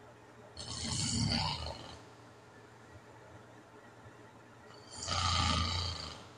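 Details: Adult's snoring with sleep apnea, self-recorded overnight; the recording includes apnea and hypopnea events, and the snoring is described as not loud.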